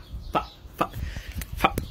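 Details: A man from Texas with Tourette syndrome, a stand-up comedian, has vocal tics while he introduces himself.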